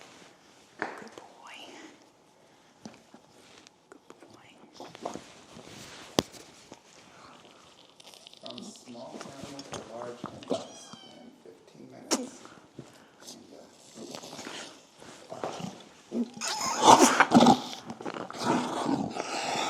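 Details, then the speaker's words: Choking horse during nasogastric tube passage for choke, nostrils held: quiet handling noises, then harsh coughing bursts, suggesting the tube has entered the airway. "hear the coughing so that was probably in the lungs"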